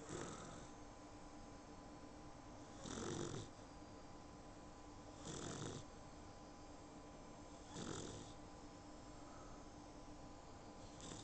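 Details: Sleeping female puppy, very tired after her first bath, recorded on an iPhone: soft, regular snores about one every two and a half seconds over steady background hiss.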